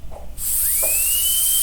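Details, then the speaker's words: Dental drill played as a 'horrible sound' sample, its spectrum showing lines just above 3 kHz and at 10 kHz: a piercing two-tone high-pitched whine that rises and holds steady. "Oh, no, it's the dentist drill! Oh, oh. Oh, stop it, make it stop."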